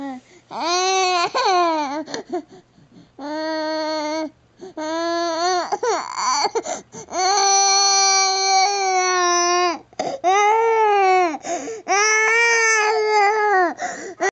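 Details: Infant crying with tummy discomfort, recorded September–October 2009: repeated high-pitched, sustained crying bouts with brief breaths between.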